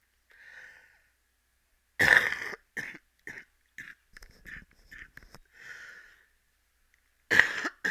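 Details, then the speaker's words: Uncontrollable cough from a patient just discharged from hospital after sepsis and pneumonia, with CO2 built up in the lower lungs. "You can see why I'm even though I'm out of the hospital again, I'm still not going to be doing LPs for a while, as I sound like shit and I cough like shit and it's uncontrollable."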